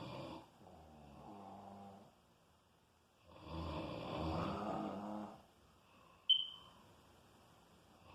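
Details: Two rumbling, fluttering snores about three seconds apart, the second louder and longer, in a quiet room with a brief click; snoring.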